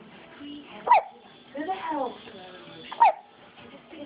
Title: Baby hiccups